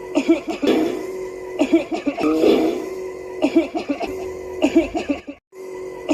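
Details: Acted, simulated coughing amid laughter.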